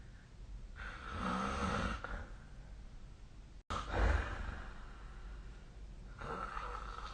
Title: 🐽 本日のイビキ / Snoring Sleep Sound